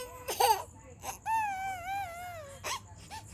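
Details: A young girl cries in short bursts, then a long wavering wail; ordinary crying with no sign of breathing difficulty.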